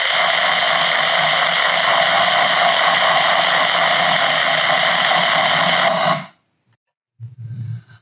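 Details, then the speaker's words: Microelectrode recording during deep brain stimulation surgery for movement disorders: dense crackling neural firing with rhythmic bursting over steady hiss, then stopping, from a tremor cell in the thalamic ventral intermediate nucleus, where tremor cells lie mostly in the lower two-thirds. "here's an example of just a standard background cell from the uh V and now here's a Tremor cell in the V"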